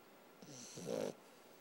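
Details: Sleeping puppy gives a single short snorting breath with a buzzy rattle; brief snore.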